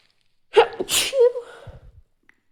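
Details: Stifled sneeze: a single sneeze, quick intake with a voiced catch then a sharp hissing burst, partly held back.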